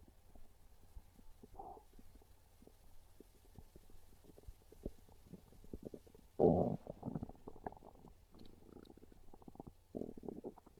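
Quiet low gurgling with several louder growling rumbles; ordinary hunger stomach growls.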